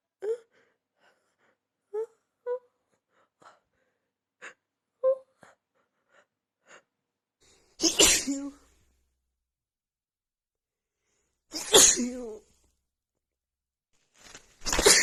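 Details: Sneezing fit during a head cold with a blocked nose, triggered by sniffing a tiny bit of black pepper: soft catching breaths build up, then three forceful explosive sneezes in quick succession.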